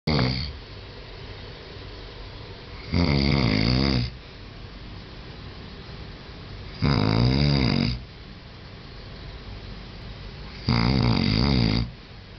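Loud rattling snores about every four seconds, roughly 15 breaths a minute, with quiet exhalations between; ordinary snoring.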